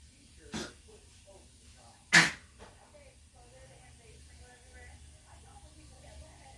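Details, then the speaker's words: Dog named Zella coughing repeatedly: two sharp, explosive bursts about a second and a half apart, with quiet room noise between. "Come here, Zella. What do you keep coughing for? Come here."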